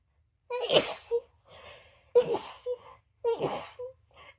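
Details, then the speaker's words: Woman in a staged custom-request sneezing scenario, her nose irritated by flowers: three sharp sneezes in quick succession, each with a short vocal lead-in and a soft sniff after; repeated sneezing. "Oh god, now it feels like I'm going to sneeze."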